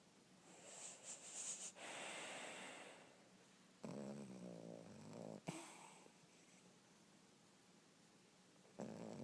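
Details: Yorkshire terrier sleeping on a couch gives rough, snorting breath sounds with a brief low, rumbling snore between them; snoring.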